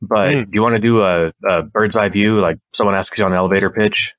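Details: Adult male speaker; Normal fluent speech.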